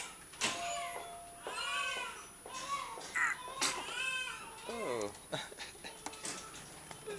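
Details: Infant fussing: repeated short, high-pitched, tonal cries with brief pauses between them, in a small room. The recording was labelled as the baby's first sneeze.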